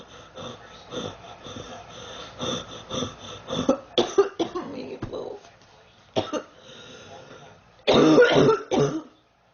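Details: Girl, sick for about 3 weeks, feeling hot and unwell: repeated short hacking coughs in quick runs, ending with two loud harsh coughs; persistent cough during illness.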